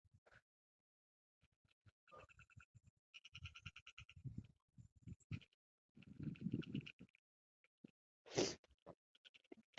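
Rough, snorting breath noises recur in uneven bursts among quieter clicks and faint background tones, consistent with snoring.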